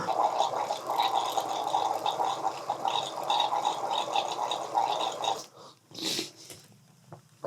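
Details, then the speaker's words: Bubbling, gurgling water for several seconds, then quiet sniffing, as a NASALFRESH MD nasal irrigation device flushes saline through the nose toward the other side. "So let's go the other way now and let the rest of them flush to the other side. Actually, it feels pretty good."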